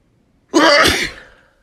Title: Sneezing Like Crazy